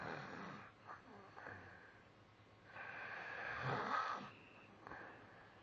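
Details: Light snoring during sleep: soft, rough, breathy snores and one louder wheezy snore in a quiet room.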